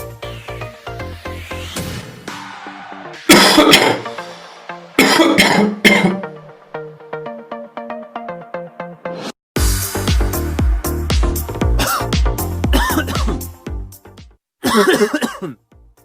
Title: WET COUGH VS DRY COUGH: Hear the Difference